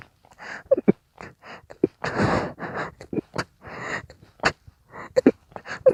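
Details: An intense stifled sneezing fit: a rapid run of short, sharp, muffled sneezes and sniffs with gasping breaths between, coming so fast the sneezer could barely breathe in between. Sneezing.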